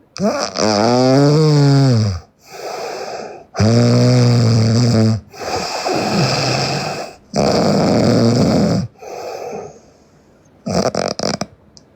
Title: Sleeping Japanese Girl Loud Snoring